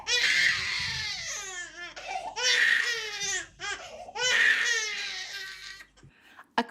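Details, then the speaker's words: Infant crying in a full-on, sustained, fever-pitch, gurgling cry that isn't decreasing in intensity: loud, high-pitched wailing in long unbroken bursts with no let-up; sustained distressed infant cry needing a parent to intervene and soothe. "if they're crying as a full-on sustained fever pitch gurgling type cry that isn't decreasing in intensity you need to intervene here's what it can sound like"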